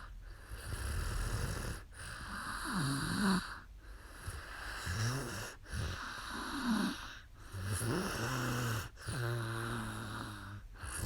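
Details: Adult woman asleep during a live sleep stream: irregular rattling snores at about 34 a minute, some with a rising tonal whistle, faint room noise; snoring.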